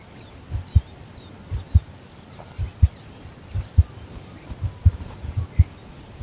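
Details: Soft, paired low thumps of a resting heartbeat, about 55–60 a minute, slow and relaxed, from a female border collie born November 2014, settled lying down on command; normal heart sounds, slow resting rate.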